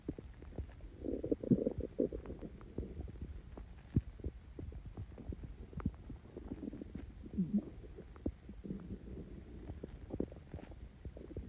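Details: Stomach growling (borborygmi) after drinking Coke with Mentos: low gurgling rumbles and bubbly pops over crackly contact noise.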